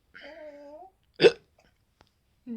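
A brief voice, then a single abrupt, sharp hiccup sound with a quick voiced catch. A hiccup.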